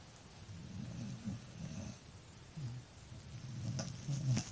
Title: snoring doggy